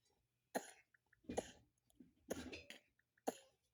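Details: Four short, dry coughs from a child in a quiet room; cough.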